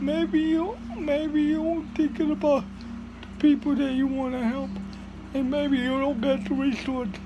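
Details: Adult speaker; dysarthria (cerebral palsy).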